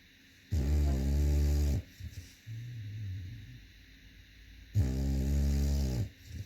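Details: A dog snoring: two long, deep, rattling snores about four seconds apart, with a softer low snore between them; ordinary snoring.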